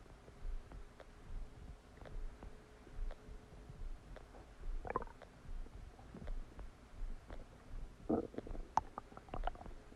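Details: Stomach after eating a cheeseburger: soft, irregular gurgles and bubbling pops over low rumbling; ordinary digestive borborygmi.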